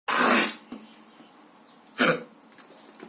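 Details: An English Cocker Spaniel with kennel cough: two harsh, dry, hacking, honking coughs.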